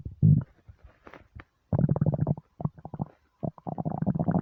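Loud, low gurgling and bubbling rumbles in bursts, typical stomach growling of an empty, hungry stomach.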